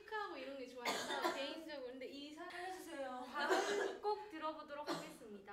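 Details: A woman's voiced, speech-like sounds broken by several sharp, harsh bursts that sound like brief coughs.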